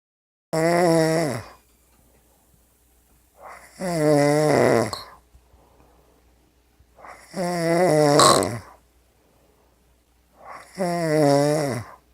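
Loud, regular, rasping snores on each breath, about 17 a minute, with quiet pauses between them in a small room; ordinary snoring.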